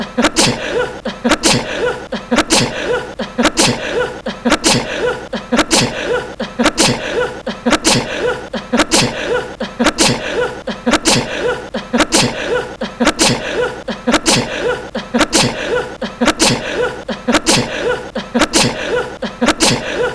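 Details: Jungwoo of NCT sneezing, 2018: one short sneeze repeated about once a second with light laughter mixed in; an ordinary sneeze.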